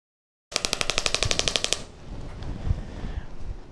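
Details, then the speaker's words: Pneumatic shockwave therapy applicator (compressed air drives steel rod against applicator head) firing about a dozen rapid sharp clacks, roughly four per second, on outside of knee to reach deeper tissues during ~5-minute treatment; shockwave applicator firing. "so when we apply this therapy there's a steel rod on the inside of the device the compressed air shoots that rod forward and it hits the back of the applicator head at that point there's nothing going into the skin but it creates a sound wave"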